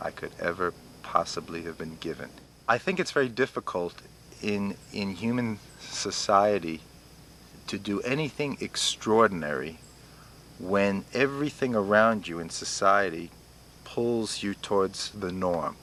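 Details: Adult man, about 47, with stuttering; had intensive residential speech therapy at 19; now lets himself stutter, with blocks and speech interruptions that have lessened over the years; finding: stuttering.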